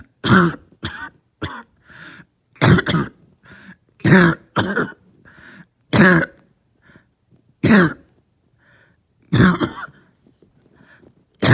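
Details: Lingering cough that started last night, with headache: repeated short, harsh coughs and throat clearing, about eight bursts with brief pauses between them.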